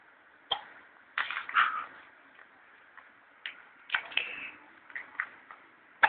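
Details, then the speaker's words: Infant with hiccups: several short, sharp catches of breath, with soft baby noises between them; hiccups. "Somebody's got the hiccups."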